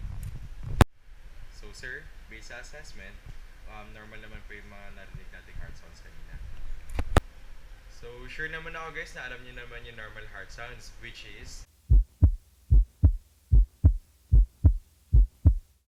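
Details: Normal heart sounds.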